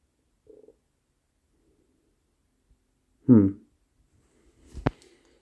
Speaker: I don't know if that was my stomach growling I don't know